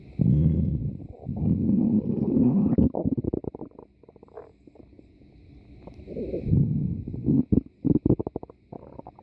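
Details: A person's stomach growling: loud, low, gurgling rumbles with rapid bubbling bursts, rising and fading over several seconds; borborygmi.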